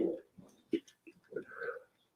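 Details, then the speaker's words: Soft, irregular snorting and grunting snores from a sleeping pug, heard faintly in the background of a quiet room. "Oh, that's my pug. That's my pug snoring."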